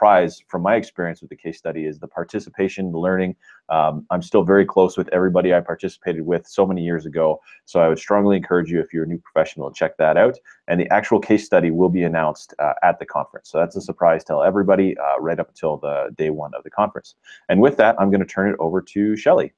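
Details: Adult speaker; Normal speech.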